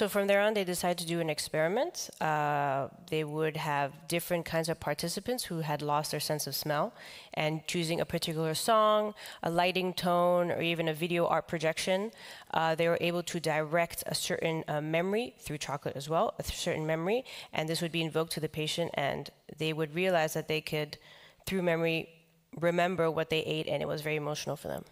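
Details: Adult man with the neurological disease dystonia, which in his case causes uncontrollable neck movements and can affect other body parts; he reports having no real tone of voice; real speech: dystonia affecting the voice.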